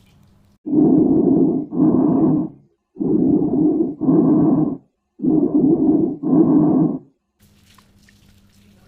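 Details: Loud, harsh, hollow bronchial breath sounds from air in large airways, with a pause between inspiration and expiration; normally heard over the trachea and between C7 and T3, elsewhere suggesting lobar pneumonia.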